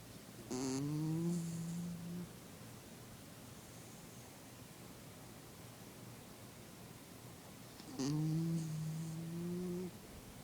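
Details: Two long, low, rumbling snores about seven seconds apart over quiet room noise: ordinary snoring in sleep.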